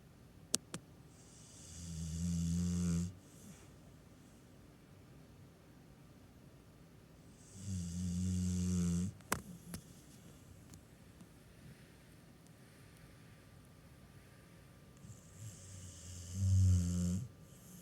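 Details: Snoring during sleep: three slow, low, rattling snores on inhalation, about every seven seconds, with quiet pauses between.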